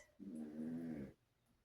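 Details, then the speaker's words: Snoring from Lucy, an about 15-year-old tan Chihuahua who often snores: a single drawn-out, low, slightly whistling snore lasting about a second in a quiet room. "Lucy. If you watched my last video, she snored all the way through it. And I'm just so used to being in here with my pups. And a couple of them snore."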